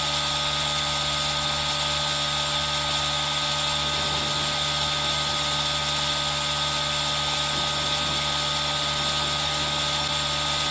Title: ASMR: Aerosol Sound + Rain Sound | EXTREMELY RELAXING ASMR😴 | Asmr Aerosol Nebulizer